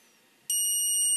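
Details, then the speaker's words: Faint room noise, then a steady high-pitched electronic beep as a dental curing light switches on for a 5-second cure of a temporary crown on a fake model in pre-patient training. "okay I'm going to light cure it for 5 seconds uh go ahead and keep recording but it might might be um sharp on your eyes if you need to look away from the video that's okay"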